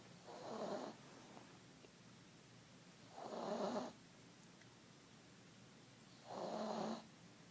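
Soft, regular rasping snores about every three seconds, roughly 20 a minute, from a sleeping cat; harmless sleep snoring.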